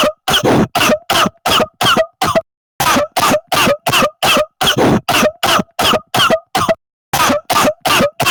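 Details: Rapid run of about twenty short, harsh cough bursts close together with brief silences between; coughing from a 10-minute coughing compilation.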